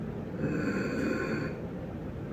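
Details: Adult patient with left vocal cord paralysis, voice and breathing problems for two weeks, asked to breathe deeply during laryngology assessment: harsh, whistling noise on deep inspiration, inspiratory stridor from a narrowed upper airway.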